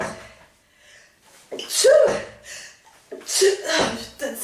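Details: Two forceful sneezes with sharp intakes of breath between them, part of a woman's long repeated sneezing bout of 46 sneezes, with French exclamations between them.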